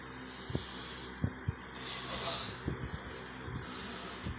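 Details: Dad's snoring during sleep: low, rough snorting rumbles with a noisy breath sound partway through, over steady room hiss.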